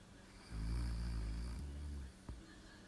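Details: Live sleeping recording: a single low, rumbling snore lasting about a second and a half over a steady background hum; snoring.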